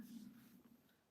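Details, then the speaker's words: An adult woman's stomach gives a faint, low drawn-out gurgling rumble fading over about a second; she says her stomach makes loud noises since taking Contrave. Stomach growling. "Oh, can you hear my stomach growling? [Laughter] That is one thing I noticed like you guys can hear it in my videos now with this contrave. My stomach makes the weirdest noises and it's really loud."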